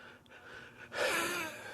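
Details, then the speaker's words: A quiet pause, then a harsh, noisy wheezing breath with a faint whistle from someone with damaged lungs, on about 20 pills a day and 3 inhalers, winded from talking; lung capacity 59%, heart pumping at 36%. "As you can hear me wheezing. I'm on a lot of medication."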